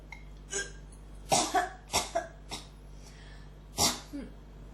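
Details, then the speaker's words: About six short, harsh coughs in quick bursts with throat-clearing quality over a low room hum, from a person with a cough that won't stop who says it is really irritating the throat; persistent dry cough. "結構きますね、喉に。"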